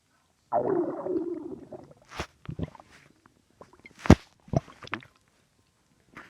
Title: My stomach making weird noises